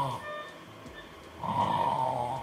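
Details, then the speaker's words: Adult with severe obstructive sleep apnea (AHI 34) during drug-induced sleep endoscopy with a KARL STORZ video rhinolaryngoscope: a loud, rough snore after a quieter stretch, with concentric narrowing at the oropharynx/soft palate and falling oxygen saturation. "Да слышали храп и видим концентрическое сужение на уровне ротоглотки уне мягкого нёба сатурация падает"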